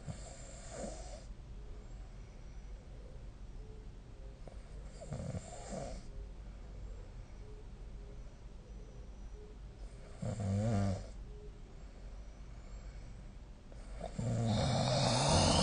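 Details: Adult snoring during sleep, recorded with a snoring-tracking app: low, rough snores recurring irregularly over steady room hiss, with a louder snore near the end.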